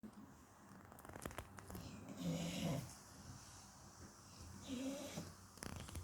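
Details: 8-year-old rescue Shar Pei dog snoring and twitching in sleep: low, rumbling snores, two louder breaths, faint snuffling and small movement noises in a quiet room.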